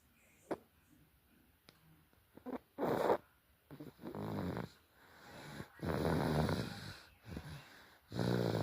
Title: listen ! baby snoring